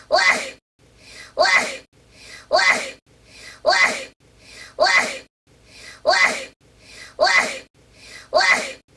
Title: - 특이한 재채기 소리 ( 30번 연속 )